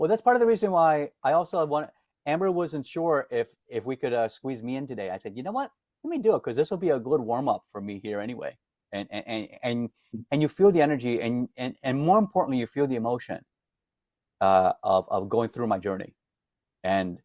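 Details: Adult man, self-described lifelong stutterer, reports daily disfluency, can hide it when singing as a classically trained opera singer; word repetitions heard; stuttering.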